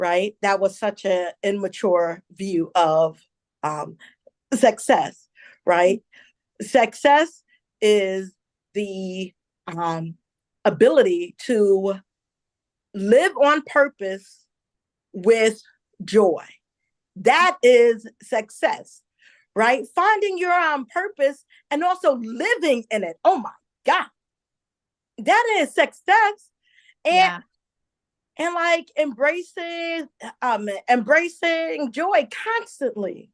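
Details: Adult woman, a self-described stutterer who says listeners will hear her stumble on some words; stuttering.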